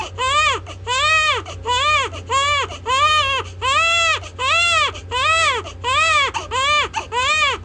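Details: Infant crying loudly and rhythmically, about ten strong wails separated by quick breaths, with a steady low hum behind; a vigorous ordinary infant cry.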